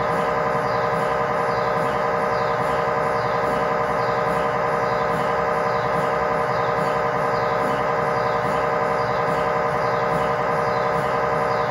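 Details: Loud continuous rhythmic tonal knocking, about 92 pulses a minute, with steady ringing, recorded inside the scan room of a GE 1.5T or 3T MRI system; MRI scanner sequence noise.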